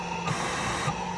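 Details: Comfort Cough Plus mechanical insufflator-exsufflator (cough assist device) operating with PEEP valve and mouthpiece in a demonstration: steady mechanical hum with a brief surge of rushing air as pressure increases.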